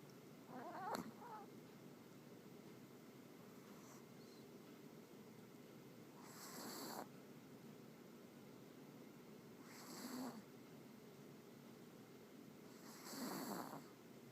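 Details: Sleeping dog snoring loudly: soft, breathy snores roughly every three to four seconds, about 18 breaths a minute, over quiet room noise; ordinary snoring.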